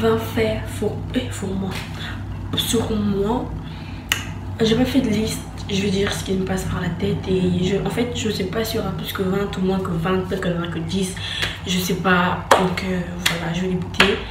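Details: French-speaking woman who says she stutters, speaking in her own vlog; stuttering.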